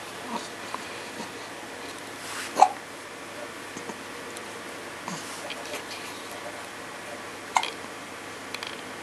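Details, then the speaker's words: 10-day-old baby hiccups: two sharp, brief hiccup sounds about five seconds apart in a quiet room. "Do you have baby hiccups? Do you have... You got some baby hiccups."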